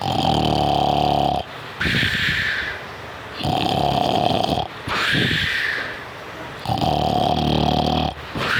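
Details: Puppy falling asleep snores loudly in a steady rhythm, about 20 breaths a minute, with a buzzing, slightly whistly in-breath and a breathy out-breath; snoring.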